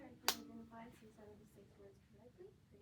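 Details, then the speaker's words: Weber hearing test: a tuning fork struck on the examiner's palm and placed on the patient's head gives a sharp strike and then a faint, brief ringing tone; the patient hears it equally in both ears, with no lateralization. "I'm going to take this tuning fork. I'm going to strike it on my palm. Place it on your head. Tell me if you hear the vibrations equally or not."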